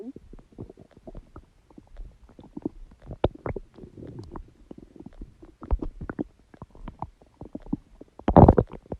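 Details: Irregular gurgles, squelches and bubbling rumbles from the abdomen: ordinary active bowel sounds (borborygmi), stomach growling.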